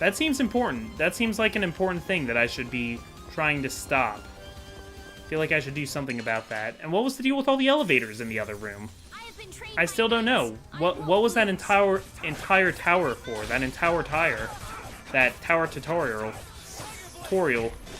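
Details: Adult male who says he stutters a lot and has a speech impediment, worse when making things up on the spot, in unscripted commentary; stuttering.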